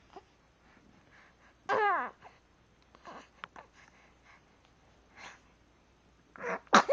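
A small, high voiced squeal, then quiet breathy sounds, and at the end a quick rising lead-in followed by a sharp explosive burst: a small sneeze.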